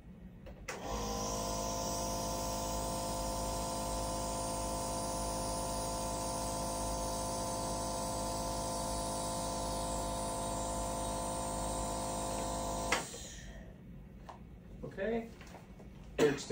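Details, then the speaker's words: Adult volunteer in a reflex cough test for chronic cough assessment: during a suppressed-cough trial with nebulized citric acid via face mask, the nebulizer hum stops and one or two brief reflex cough bursts break through; urge rated 9–10, felt as irritation. "cough oh there you go there it is I tried not to you did good"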